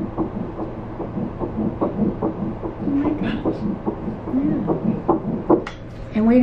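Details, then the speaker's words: Fast, regular whooshing fetal heartbeat heard at a first pregnancy ultrasound at about seven weeks, with a flicker seen beside the yolk sac; voices over it; heartbeat on track. "we're having a baby we're having a baby heard the heartbeat and it's right on track"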